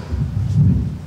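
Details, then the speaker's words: Mitral stenosis at the apex in a 63-year-old man with increasing, debilitating shortness of breath: clean systole, then an opening snap followed by a long low diastolic rumble, attributed to rheumatic fever narrowing the mitral valve. "preceded by this extra sound which is the mro B snapping open so what's going on here"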